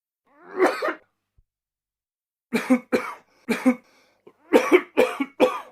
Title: Man Coughing Sound - Sound Effect (HD)